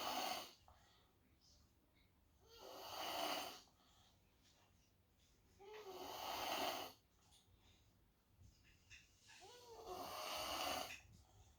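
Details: Loud, rough, breathy snores about every four seconds, roughly 16 per minute, some with faint whistling, from a sleeping little girl; snoring.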